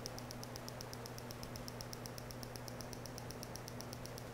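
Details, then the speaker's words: Sharp, regular ticking clicks at about four per second from PiezoWave2 Vet shockwave pulses at full power along the spine meridian of an untranquilized horse's back, 50 mm probe, horse tolerating well; shockwave therapy pulses. "so you can see that even at full power he's tolerating this really well"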